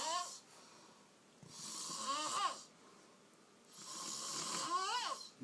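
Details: An adult man snoring after getting drunk and passing out on his couch: two noisy breathing cycles, each breath with a rattling, whistling tone, a little over twenty breaths a minute.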